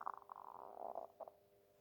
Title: stomach growling